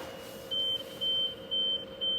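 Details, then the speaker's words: Hospital bed exit alarm on a Progressa bed during staff training, triggered as a person moves toward the bed side: repeated high-pitched electronic beeps, about two per second, until silenced at the bed controls. "You try to move Yes. more to the side. Okay. So it will alarm. So same thing. You can come over, silence it, then you can choose all the option again."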